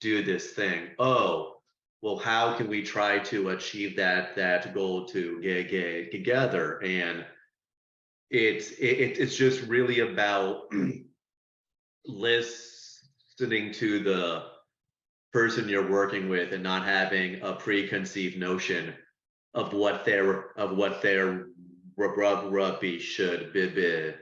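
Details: Speech-language pathologist who stutters, with repetitions and broken words heard; stuttering.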